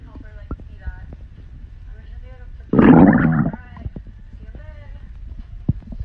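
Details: Girl's stomach growling: a single loud rumbling growl lasting about a second against faint gurgles and background noise; borborygmi.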